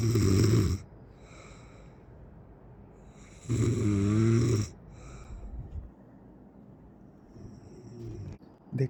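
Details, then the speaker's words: Young men asleep after a large meal in an air-conditioned hotel room: loud, rough, rattling snores, two main bursts about three seconds apart, with quieter breathing between; snoring. "আর দেখো আমার বন্ধুরা সবাই ঘুমিয়ে পড়েছে নাক ডাকছে literary এবার শোনো তোমার আমাদের একটু কাছে নিয়ে গিয়ে দেখাই।"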